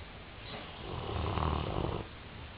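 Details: Male snoring during sleep: a single low, rumbling snore lasting about a second and a half, rising and fading over quiet room noise.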